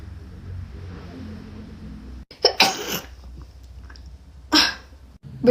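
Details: Young Chinese woman with allergies: two sharp, wet-sounding sneeze bursts over quiet room noise. Allergic wet sneezing.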